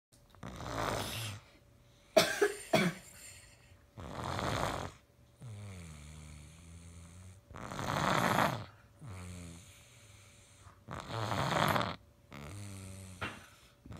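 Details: Loud rattling snores alternating with whistling exhalations, about 13 breaths a minute, a couple of sharp snorts near the start; snoring in a girl described as sick.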